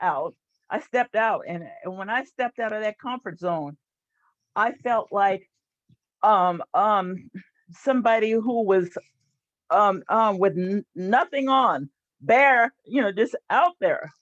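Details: Stuttering in an adult woman who has stuttered since about age seven and leads a stuttering support group; stuttering.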